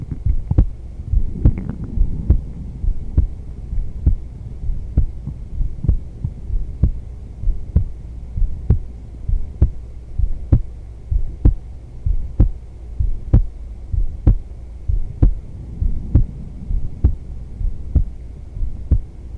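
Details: Woman's normal resting heartbeat recorded during yoga: steady, low double thumps at about 64 beats a minute with a faint hum behind.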